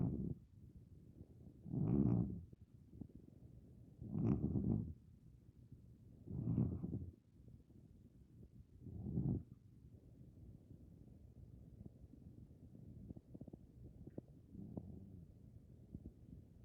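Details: Soft, low, rumbling snores at about 26 breaths a minute, fading to quieter breathing, from a sleeping Maine Coon cat aged 15+ years, possibly dreaming.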